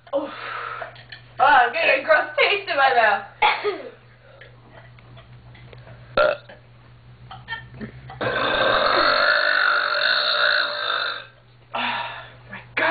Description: hahahahah me burping after i ate something...